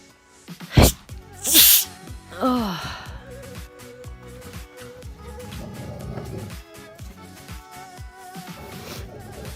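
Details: Two sharp, explosive sneezes followed by a brief voiced sound over background music.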